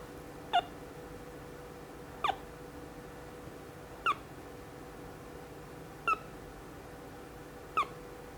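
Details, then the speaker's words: RespAlert breath monitor for animals, diode sensor, running on its own battery, switched from tone to beep mode: short beeps about every two seconds, roughly 35 a minute, one per detected breath, over a steady hum. "Oh, that turns the tone off. Oh, that just makes a beep only when you breathe."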